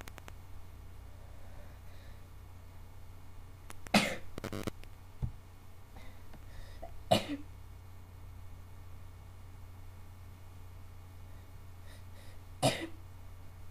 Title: more sneezing.